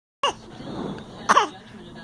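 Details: A child deliberately faking a cough: two forced, voluntary coughs about a second apart.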